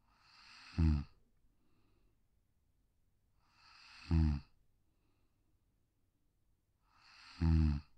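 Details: Sleeping Pug (brachycephalic, short-muzzled breed) on a deck: soft, regular snores about 18 a minute, each a brief nasal snort on the in-breath; snoring.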